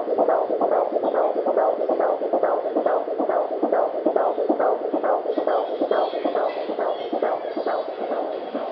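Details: Fetal heartbeat at 18 weeks of pregnancy: fast, steady whooshing pulses at about 140 beats a minute.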